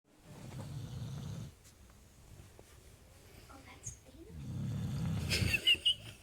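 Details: Sleeping female with two low, rumbling snores about three seconds apart, brief clicks and rustling between, described as snoring like a grown man: snoring.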